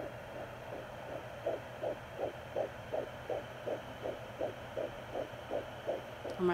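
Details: Home fetal Doppler at 13 weeks of pregnancy while tracking what the mother believes are two fetuses close together: fetal heartbeat heard.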